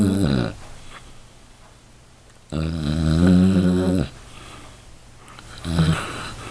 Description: Caught my lazy dog snoring so loud!